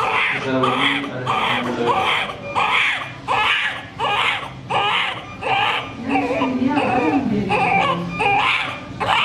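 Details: Newborn's first cry immediately after birth: repeated loud, high-pitched crying bursts, a normal vigorous first cry.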